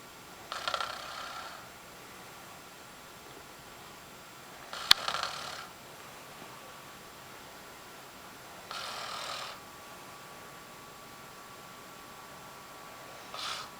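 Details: Soft, airy, hissing snoring breaths about every four seconds, roughly 15 a minute, over faint room hum with a click near one breath; snoring.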